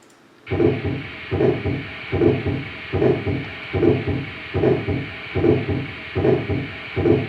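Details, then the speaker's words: Early aortic stenosis, a narrowed, hardened heart valve: regular heartbeat about 74 a minute with a harsh murmur in each beat. "next up here we have a artic stenosis this is a hardening of the heart felt and narrow we know those heart valves so I think if you narrow a pipe what that's gonna do and this is the sound it makes so this is early they ordered stenosis"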